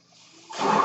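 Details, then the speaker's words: A quiet hum gives way to a rising rush of air, the breath cycle of the speaker's own mechanical ventilator during his podcast. "That noise you're hearing is my ventilator, and thank you for tuning in to Page Turners They Were Not, my Star Wars podcast."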